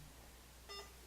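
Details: Single short electronic beep from a keypad press on a VetStor CLS-SP01 veterinary IV infusion pump during drops-per-ml setup (60 drop/ml), over quiet room noise; infusion pump keypad beep.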